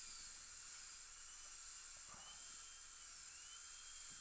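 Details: Steady high-pitched whine of a dental handpiece cutting a small trough in a fractured upper all-on-4 fixed implant-supported prosthesis during repair, with faint room hiss.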